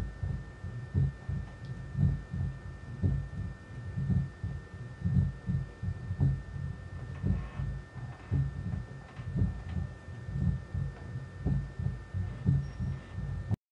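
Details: Normal heart sounds recorded with an electret microphone embedded in silicone with a small air chamber to amplify low-frequency vibrations: regular low heart thumps at about 57 beats a minute over a steady hum.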